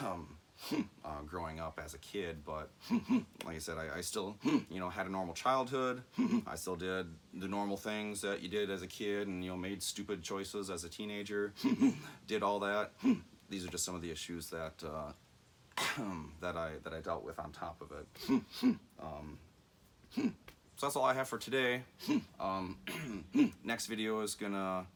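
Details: Adult man who says he has familial Tourette syndrome, never formally diagnosed, with vocal and motor tics, anxiety and ADHD; his speech has frequent 'mm-hmm' and 'hmm' sounds. Finding: vocal tics (Tourette syndrome).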